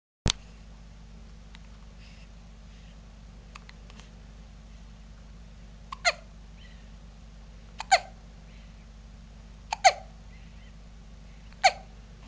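Five sharp, abrupt hiccups in a quiet room with a low steady hum. The later ones come about every two seconds: ordinary hiccups.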